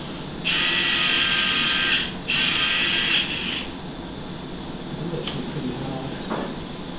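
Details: Surgical drill during a live, minimally invasive sacroiliac luxation repair under fluoroscopic guidance in a dog hit by a car, while placing a pin/screw across the sacrum: two high-pitched whine bursts of about 1.5 seconds each, then clicks.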